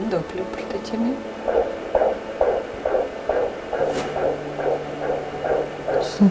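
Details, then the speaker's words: Fetal heartbeat on a handheld doppler device, just after fetal movement: normal fetal heart rate of 136 a minute. "Отличное сердцебиение. 136."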